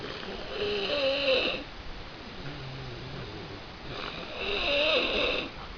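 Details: Two loud, rasping snores a few seconds apart with croaky, frog-like warbles and quieter breathing between, from a person snoring while sick with flu; sound unaltered.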